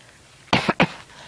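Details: Two harsh coughs in quick succession in a quiet room from an elderly grandmother, possibly related to her medication; cough.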